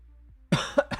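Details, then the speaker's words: One strong cough burst with a shorter follow-up from an adult in a quiet room, during a live stream; a cough. "I will probably I will try to mute myself when I plan to cough, but if I don't plan to cough, uh you might accidentally hear it and I apologize in advance."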